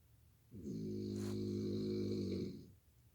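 One long, steady, low vibrating snore lasting about two seconds, with a faint airy hiss partway through. A snore.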